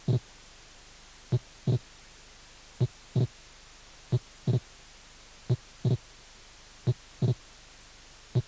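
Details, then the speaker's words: Wide, variable (mobile) splitting of the second heart sound: single first sound and clearly doubled second sound, slow regular rate about 44 beats per minute. "desdoblamiento amplio y móvil del segundo ruido"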